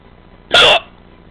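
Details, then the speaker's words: Person's real, spontaneous hiccups, recorded after a long wait: a single short, abrupt hiccup burst in a quiet room; hiccup. "finally caught it those too long those are my hiccups"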